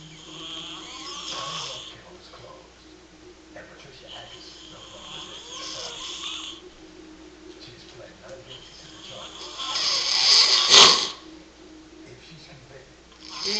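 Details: Heavy snoring in a sleeping man (a dad): repeated rough, rattling breathing noises, with one louder snorting burst near the end.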